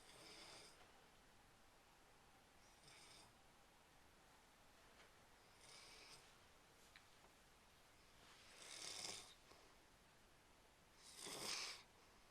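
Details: Snoring recorded October 2, 2010 with a Flip Video camcorder: soft, airy, hissing snores repeating irregularly, about 20 to 24 a minute, growing louder toward the end.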